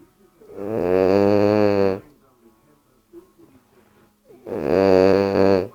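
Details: Bulldog asleep on the owner's leg, snoring loudly: rattling, droning snores on each breath with small snuffles between.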